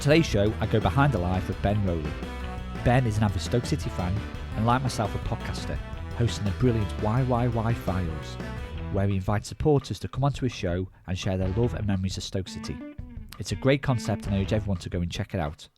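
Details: Adult male speaker; fluent speech.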